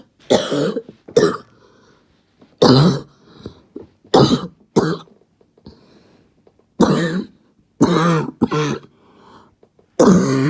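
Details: Several harsh, hoarse cough bursts with a barking, seal-like quality, separated by pauses; barking cough.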